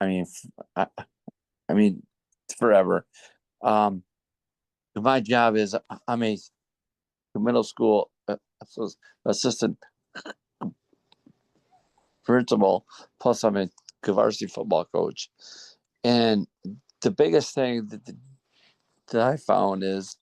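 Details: Stuttering in an adult man speaking in a National Stuttering Association session.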